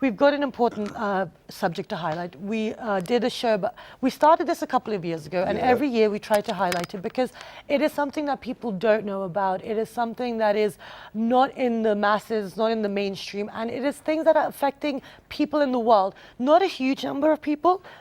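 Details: Adult woman speaking; normal speech.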